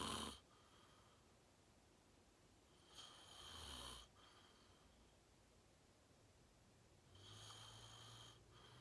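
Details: Person filmed asleep, falling asleep fast and sleeping deeply; two soft, rasping breath noises, about 17 a minute, in a quiet room; light snoring.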